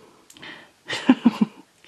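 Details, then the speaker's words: Female with a bad cold coughing: a soft breathy sound, then a run of three short, harsh coughs. "Oh, there she goes. Can you hear her? Oh, coughing. She has got a cold still, which is a shame, poor kid."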